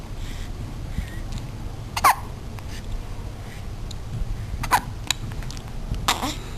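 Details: Hiccups in a 1-month-old infant after a feed: short, sharp hiccup bursts at irregular intervals, four or so over several seconds, against low room noise.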